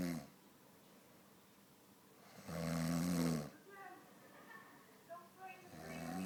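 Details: Snoring: loud, low rattling snores recur about every three seconds, with quiet breathing between them, in a small quiet room.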